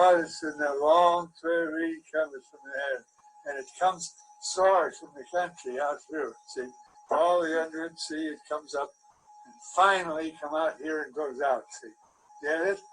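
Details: Example recording, with slightly muffled audio, of a person with Wernicke's aphasia caused by damage to Wernicke's area. Wernicke's aphasia.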